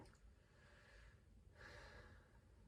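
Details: Deep breath taken during a respiratory assessment while the chest is palpated for symmetric expansion; breathing described as effortless, regular and quiet; normal deep breath.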